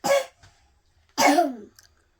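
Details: Young boy with a common cold gives two short, loose coughs; cough (common cold).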